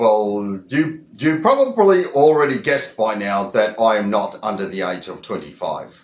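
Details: Adult who stutters, with repeated words; stuttering.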